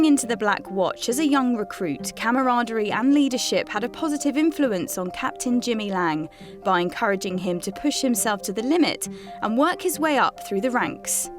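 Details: Adult female narrator; normal speech.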